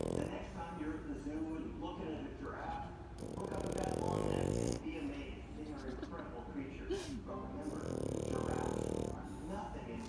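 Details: French Bulldog snoring while asleep: two long, rumbling snores over continuous background talk.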